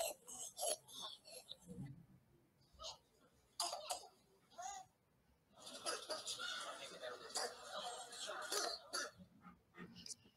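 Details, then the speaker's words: Young child with acute laryngitis (croup syndrome) gives several harsh, barking "dog-like" coughs, followed by a faint high-pitched stridor after one of them; typical croup barking cough. "ele tosse ó essa aqui ó eu ver que ele tosse tosse essa torta de cachorro matou descarregado aí depois ela faz um estridor"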